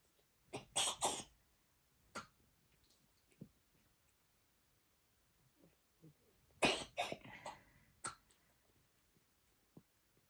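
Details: A dog clearing its throat and dry retching: harsh, hacking throat-clearing bursts in two clusters with quiet gaps.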